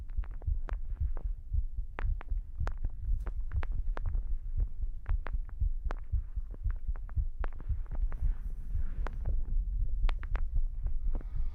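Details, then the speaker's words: Pre-recorded one-hour heartbeat recording played as ASMR overlay audio: steady low thudding heartbeat with soft clicks and a hum; ordinary heartbeat. "I did a oneh hour heartbeat recording before the stream, which allows me to have this over uh like overlapping audio for you."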